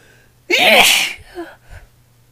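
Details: Female induced sneezing session: a single loud, forceful sneeze with a sharp explosive burst, then a softer breath and brief sigh.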